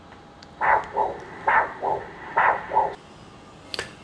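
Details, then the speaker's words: Doppler of the axillary artery and a branch during pre-AV-fistula vascular assessment for dialysis access, after a transverse ultrasound scan; the probe is turned to the artery and the finding is a normal arterial Doppler flow signal. "this is the axillary artery with a branch so now i will take the doppler to see the flow"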